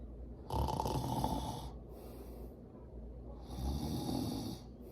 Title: Snoring At Granny’s house￼￼